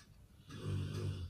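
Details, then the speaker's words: Pet dog snoring while asleep; snoring. "слышите, это у меня собака храпит. Это Мона так храпит у меня. Ужас какой."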